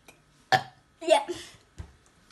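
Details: A 5-year-old child experimenting with burping: two loud, croaky belches followed by a short voiced sound, repeated burping.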